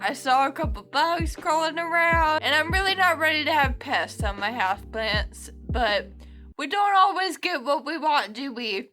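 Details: Adult woman with Friedreich's ataxia, a genetic, progressive neuromuscular condition affecting her speech; mostly uses a wheelchair; ataxic dysarthria.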